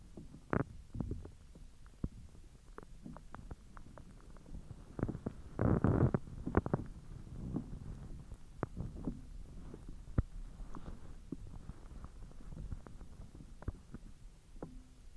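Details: Bowel sounds (borborygmi) from the belly after eating hotdogs following a 10-hour empty stomach: frequent gurgles, pops and a longer rumbling stretch of active digestion.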